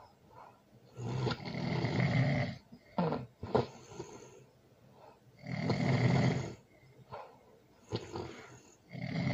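Loud, rough snores with each breath in, a few seconds apart, with softer breathing sounds between: heavy snoring during sleep.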